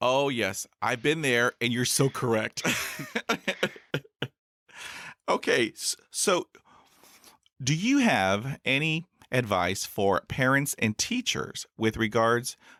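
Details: Adult male podcaster who stutters, since school years, with about 20 years of speech therapy in school, college and the US Air Force: stuttering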